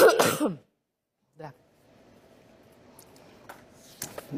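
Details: An adult woman coughing live on air during a news broadcast: one forceful, rough cough, then a brief smaller throat sound, followed by quiet room noise and faint clicks.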